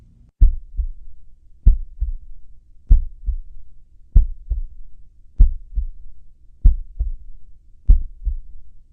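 Regular, slow paired heart thumps, both sounds clear, at about 48 beats a minute: sinus bradycardia, a heart rate below 60.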